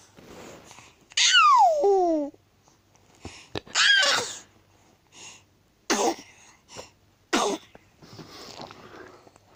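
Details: Baby sneezing fit: a run of about four sharp sneezes with brief squeals and babbling between them.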